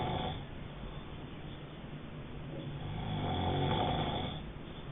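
Low, rumbling snore during sleep with steady vibrating breath noise, muffled recording.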